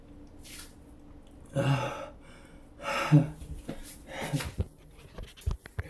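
Two or three breathy, snorting sneeze bursts, each with a sharp intake before it, in a quiet room; sneezing.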